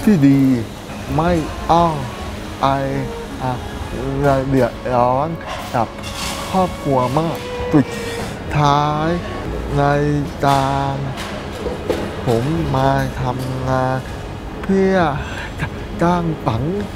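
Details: Autistic man with hearing impairment (congenital hearing loss): deaf speech.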